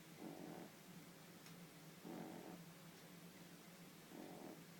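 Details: 12-week-old French Bulldog napping, with three rough, rumbling snores about two seconds apart on each breath during sleep: snoring.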